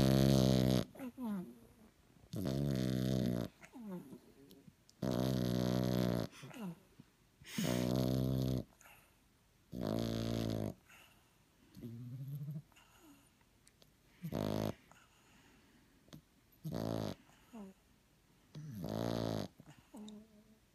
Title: French bulldog puppy snoring